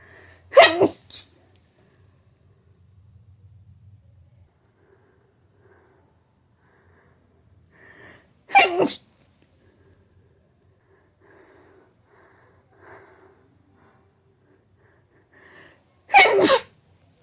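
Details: Hay fever sneeze attack with build-ups after smelling a flower that triggered intense allergy; three forceful sneezes, each preceded by a brief breathy build-up, spaced several seconds apart.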